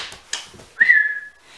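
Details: Whistling vocal tic from an adult with a Tourette-type tic disorder, on a day she describes as very ticky, which she links to cold weather.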